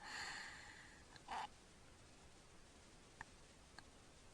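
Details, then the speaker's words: Sleeping child with obstructive sleep apnea: noisy breathing, repeated breath-holding pauses, a sharp snort-gasp as breathing resumes, then near-silence with faint clicks. "now he's holding it that was holding it he's still holding it he's trying to click in air there he goes"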